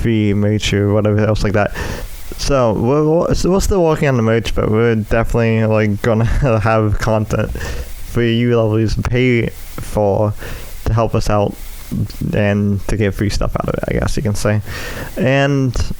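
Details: Adult male with cerebral palsy affecting the right side of his body (right leg and arm), which he says also causes his speech impediment; speech impairment (cerebral palsy).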